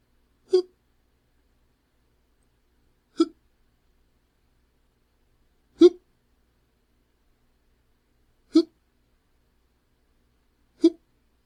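Five brief, sharp hiccup sounds at regular intervals, about one every two to three seconds.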